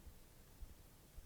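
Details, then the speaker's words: Three soft low popping clicks over quiet hiss as an adult moves the neck around during a yoga lunge; neck joint crepitus picked up by the microphone. "shouldn't do that because you hear the crackles of my neck in the microphone"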